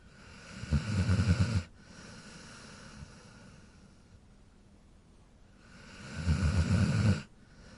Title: Cute Dog Snore Sound